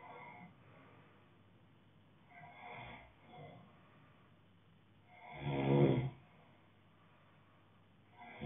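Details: Ordinary snoring: one low rattling snore, with quieter breathing sounds before it in a quiet room.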